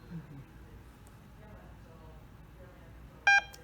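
A quiet room, then one short bright electronic beep as the ventilator switches on, a normal start-up tone.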